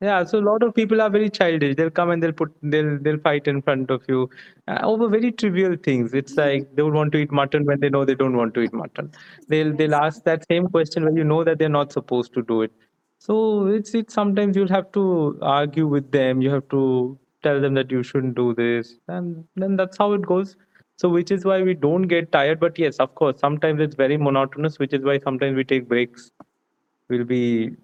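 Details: Adult male speaker; no speech disorder.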